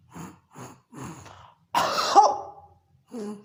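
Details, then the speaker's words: Imitation of a patient drawing nasal mucus back, with three short snorting sniffs, then one harsh hawking throat-clearing cough to expel the phlegm. "तो पेशेंट मरीज जो है उसको खींचेगा, पहले अंदर खींचता है और उसके बाद खांसी के द्वारा उस बलगम को बाहर निकाल देता है।"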